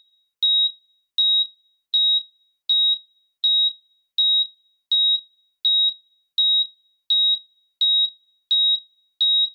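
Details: Simulated heart monitor sound effect: steady high-pitched beeps at about 81 per minute.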